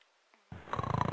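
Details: After a brief quiet moment, Callie the cat gives a low, fluttering rumble of snoring that grows louder.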